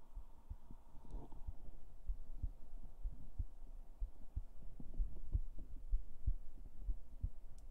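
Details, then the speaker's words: Female streamer's own heartbeat, recorded with the microphone placed on her chest. Soft, regular low thumps at roughly 75 a minute under a faint hum: a normal heartbeat. "you hear it yeah that's my real heartbeat I put it I put the mic on my chest"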